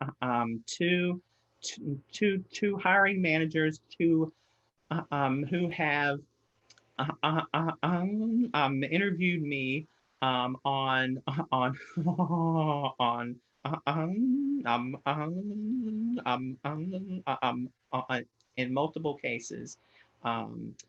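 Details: Real stuttering in an adult man who stutters, heard while presenting a webinar on career barriers for people who stutter; stuttering.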